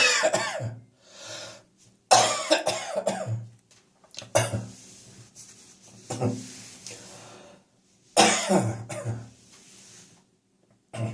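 An adult gives repeated wet, rattly coughs with throat clearing, typical of a productive cough with catarrh.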